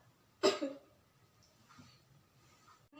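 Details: Male patient in a role-played nursing OSCE effective cough procedure: deep breath in, held three seconds, then one strong deliberate cough, then quiet breathing.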